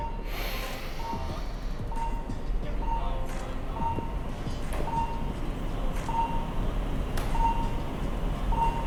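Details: Monitor beeps near 60 a minute from an adult doctor doing a second round of cyclic breathing (10-second mouth exhale). Beat spacing lengthens during the slow exhale, showing normal respiratory heart rate variation, with faint breath noise.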